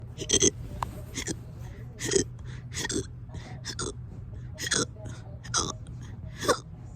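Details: Hiccups persisting for hours: sharp, abrupt catches of breath at an irregular pace of about one every two seconds, some with a short voiced squeak.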